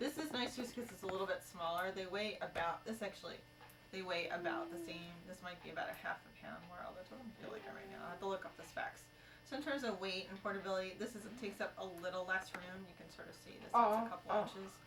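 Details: Adult speaker; normal adult speech.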